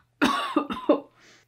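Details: A quick run of four loose, phlegmy coughs in a sick person who has lost their voice, attributed to sinus drainage with possible infection, no COVID symptoms; wet, productive cough.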